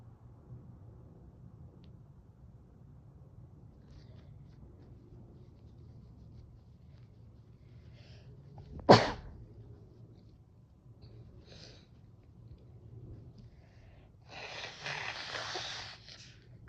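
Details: A single sharp, explosive sneeze, then a brief sniff or exhaled breath, deliberately induced with chhinkni to relieve cold-induced nasal congestion.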